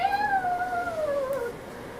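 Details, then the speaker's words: Balloon squeezed at its neck to imitate wheezing, the common breath sound in asthmatic patients: a continuous, high, musical squeal gliding slowly downward. "When you blow up a balloon and then you squeeze it like this in the top and it makes a little sound like"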